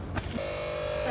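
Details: Father's nebulizer running at home.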